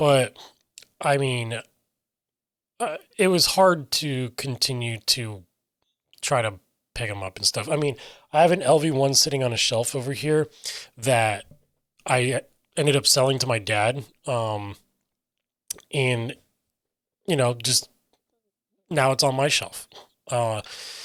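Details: Adult man with self-reported aphasia; aphasia.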